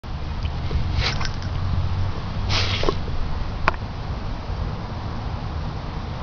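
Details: A female Great Dane gives a few short, sharp nasal sneezes or snorts against a steady low room rumble: sneezing.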